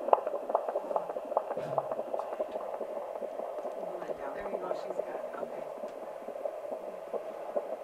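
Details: Simulated fetal heart tones from an OB nursing simulation: rapid, regular whooshing beats near 146 a minute, within the normal fetal range.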